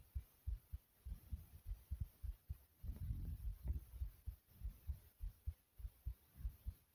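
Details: The recorder's own fast heartbeat: rapid, regular low heart thumps at about 100 beats a minute, with a brief rustling noise midway. Tachycardia.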